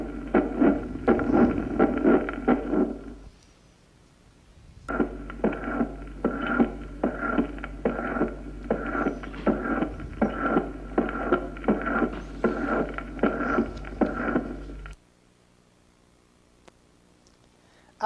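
Regular heart cycles at about 80 a minute, each with a blowing murmur late in systole that fades toward the second sound: the late systolic decrescendo murmur of mitral valve prolapse.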